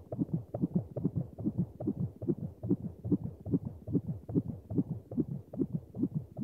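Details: Sound-effect recording of a fetal heartbeat on a monitor: rapid, regular whooshing thumps at about 143 per minute.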